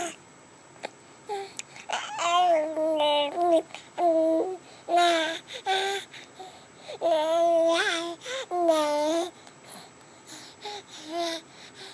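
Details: Baby girl recovering from bilateral vocal cord paralysis, with stridor, laryngomalacia and reflux slowly resolving, tube-fed via J-tube/MIC-KEY button; she began making sounds after a couple of months; infant vocalizations after bilateral vocal cord paralysis.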